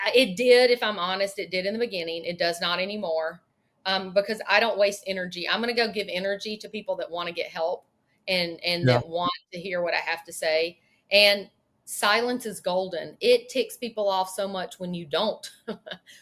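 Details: Adult woman speaking; typical speech.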